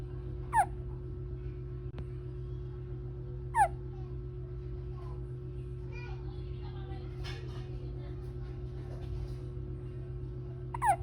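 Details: Hiccups: three sharp, brief hiccup sounds a few seconds apart with faint babble between them, over a steady room hum.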